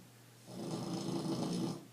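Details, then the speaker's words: A tired dog sleeping after a trip to the mall, with an owner-described snoring problem: a single loud, low, rumbling snore in a quiet room. "have you ever heard a dog snore as loud as that poor puppy poor puppy poor tired tired puppy"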